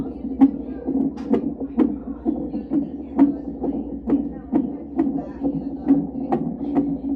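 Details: Monitoring the baby's heart in the mother's belly: fetal heartbeat on Doppler.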